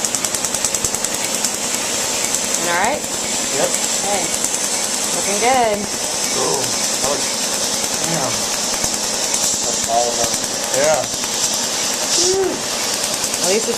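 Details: Tattoo removal laser, after a test spot: rapid, loud snapping pulses fire continuously, with brief voices over them.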